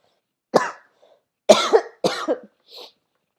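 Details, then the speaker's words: Acted cough from an adult woman attributing it to a sore throat from allergies, with sneezing all day and headache: three short dry coughs with a faint breath at the end. "I'm coughing a bit. That's true. But, you know, I mean, coughing is just cuz my throat's sore, because of my allergies."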